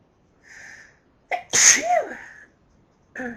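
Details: Sneezing fit from an allergy to lilies: a soft inhaled catch, then a loud, forceful sneeze and the start of another.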